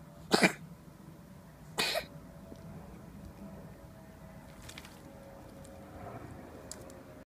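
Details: A cat coughing during an asthma attack: two short, harsh, dry coughs, then quiet room noise. Feline asthma cough.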